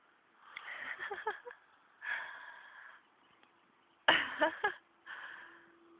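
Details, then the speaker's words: Horse snoring after sitting up then collapsing into deep sleep, loud snoring lasting about 5 minutes: fluttering, rumbling nasal breaths in irregular bursts, some with quick rattles. "Snoring. Tired. Look at your little teeth. You're so noisy."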